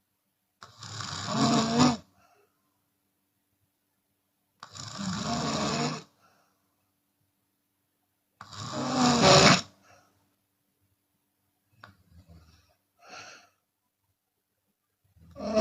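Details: Chinese woman snoring with her mouth open during sleep, sometimes exhaling audibly: loud, harsh snores with silent gaps and a few softer breaths, irregular, about 9 a minute; open-mouth snoring.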